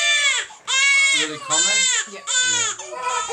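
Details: Baby boy of about four weeks, born by forceps with a neck problem, unsettled after bottles, crying before a Gonstead chiropractic adjustment. Loud, high-pitched rhythmic wails with brief breaths, about four cries in three seconds.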